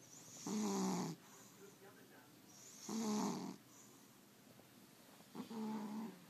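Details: Sleeping pet cat snoring on a Sunday late morning: three rhythmic, buzzy, fluttering snores on the in-breath, about 25 a minute, in a quiet room.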